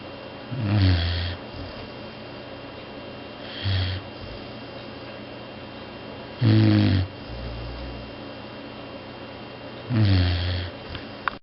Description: DoyDoy snores so loud that he is banished from the master bedroom. He can cut some pretty serious ZZZZZs when he is tired.